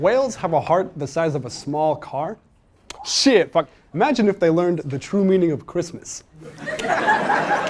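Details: Adult male stand-up comedian with self-reported Tourette syndrome; censored vocal tic outbursts with cursing interrupt his set; vocal tics with coprolalia.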